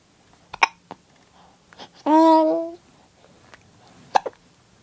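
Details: Infant girl hiccuping, stated as about 3 weeks old though also described as almost 3 months: several soft, sharp little catches with a brief infant vocal sound; normal infant hiccups.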